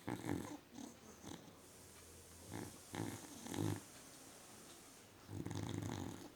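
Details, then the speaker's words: A dog in deep sleep makes rough, snorting breath sounds that repeat irregularly; snoring. "snoring in a deep sleep."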